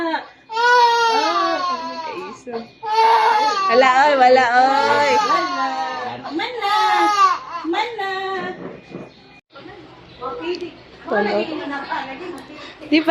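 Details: An infant cries during vaccination in Davao City, in loud, rising wails broken by gasping breaths, with adults' soothing voices around; ordinary crying.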